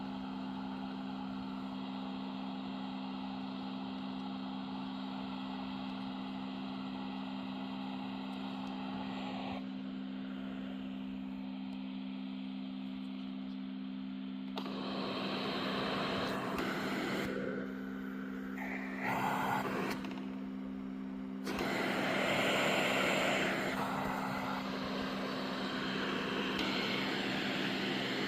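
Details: Pre-owned Philips Cough Assist E70 mechanical insufflator-exsufflator, tested and working: steady machine hum and airflow noise, then louder surging air pushes.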